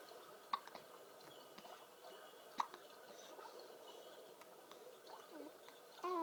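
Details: Infant hiccups: two short, abrupt hiccup clicks about two seconds apart in a quiet room, then a soft baby sound.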